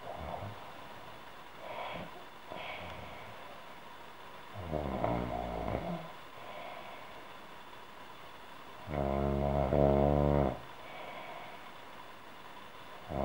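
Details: Adult woman snoring: two loud, rattling snores about 4–5 seconds apart, with softer breathing noises between.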